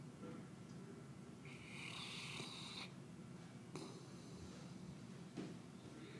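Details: 190-pound St Bernard dog snoring very loudly in sleep: low rumbling snore over steady room noise with a couple of sharper snorts.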